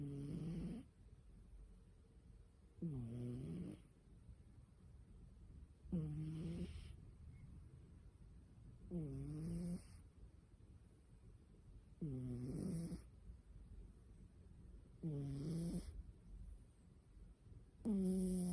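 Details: A sleeping cat snoring with regular low rattling snores about every three seconds, roughly 20 a minute, sounding startlingly like a human snoring; ordinary snoring.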